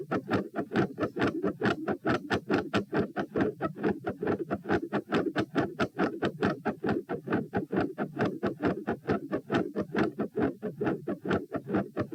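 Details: Heart sounds recorded at position P while standing, at 132 bpm, reproducing feeling unwell and like dropping after 5–10 minutes standing; fast regular beats with soft extra sounds around each beat, changing patterns, escalating loudness; tachycardia with third heart sound, fixed split S2 and murmur.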